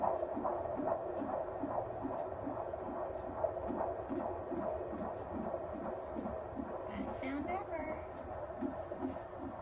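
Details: Fetal heart tones on Doppler at a 35-week midwife prenatal appointment: fast, regular whooshing pulses over a steady hum, midwife counting about 140 a minute, a normal fetal heart rate.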